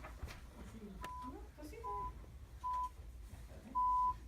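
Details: Audiometer pure-tone stimulus during a hearing test, stepped past the 100 dB limit to the equipment's maximum output (+20) in the poorer ear.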